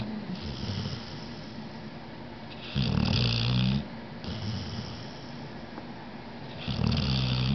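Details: Poppy sleeping, recorded in September 2009: loud, rumbling snores on the in-breath with softer hissing out-breaths between, roughly every four seconds; snoring.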